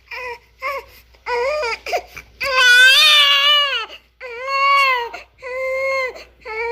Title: Bebê chorando! Som de bebê recém nascido chorando